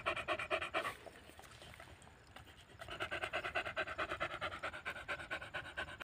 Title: dog gasping after a long run | #pitbull #americanbully #dangerous #dogs #pitbulllover